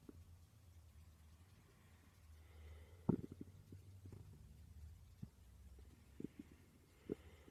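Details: Woman's stomach growling while she slept: faint, low gurgles and rumbling with a few brief bubbling pops over a quiet background; ordinary borborygmi.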